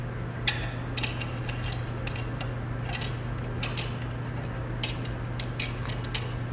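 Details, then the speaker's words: Bookwalter table-mounted abdominal retractor tray demonstration, ratchets being fitted onto the retractor ring; scattered sharp metallic clicks and clinks over a steady low hum. "these are the ratchets that are in your Bookwalter set these ratchets are used to hook up a retractor to the ring of the retractor system itself"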